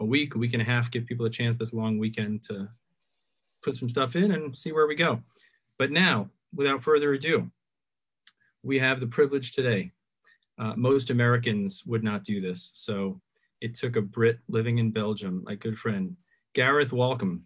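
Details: Adult male speaker; typical speech.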